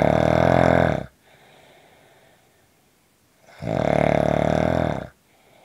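Two loud, rattling snores about three and a half seconds apart, with quiet breathing in between.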